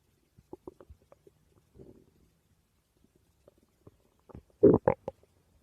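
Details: The uploader's own stomach growling: quiet scattered gurgles and squelches, then a louder burst of bubbling rumbles near the end; ordinary borborygmi.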